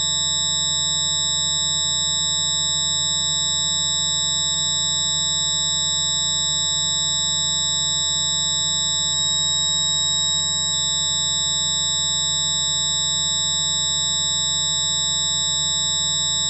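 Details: Simulated tinnitus, one sufferer's approximation of what they hear, likened to a jet engine revving in the left, right or both ears: constant high-pitched ringing tones over a steady low rumble, unbroken throughout.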